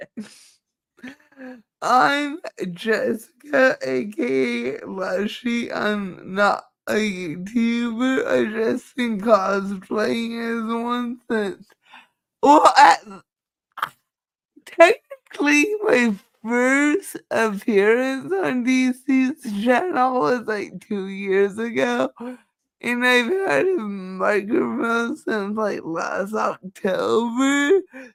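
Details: Dysarthria in a female speaker who states it is due to cerebral palsy and that nothing can be done about it.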